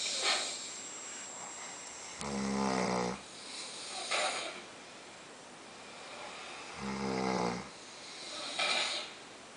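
Two loud, rough, buzzing snores on the in-breath, each followed by a quieter breath out, about 13 breaths a minute. Ordinary snoring.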